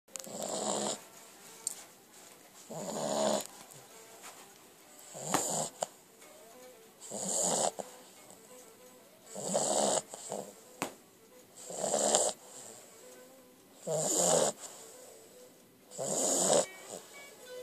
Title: Snoring dog